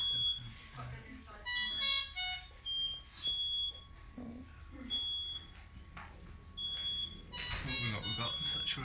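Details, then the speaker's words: Delivery room, extremely preterm baby about 26 minutes after birth being handed to mum for a cuddle; intermittent high bedside monitor beeps with steady tone, soft voices and music; saturations and temperature being monitored. "i'll apologize in advance for the beeps of the monitors it's something you only realize is going on in retrospect"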